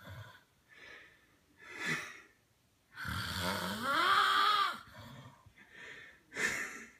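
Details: An adult man, the uploader's father, snoring while asleep; snoring.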